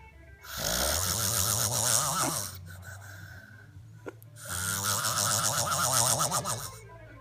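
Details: Two long, loud, rattling snores, each a coarse fluttering breath of about two seconds with a quieter pause between them: snoring.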